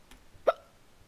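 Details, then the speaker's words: Gamer playing SkyWars who says he has the hiccups: a single short, sharp voiced hiccup in a quiet room. "I'm telling you it's the hiccups see I'm not actually bad it's just the hiccups"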